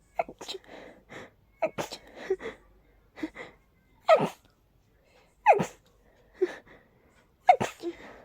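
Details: Rapid run of about eight forceful sneezes with quick gasping breaths between them; allergic sneezing fit in a person highly sensitive to pollen and dust, without allergy medication at hand.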